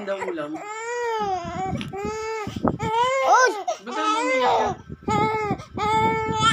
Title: crying